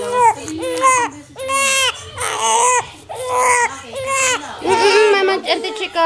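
Loud, rhythmic infant crying in repeated wailing bursts with short breaths between, about two dozen cries a minute; ordinary angry crying.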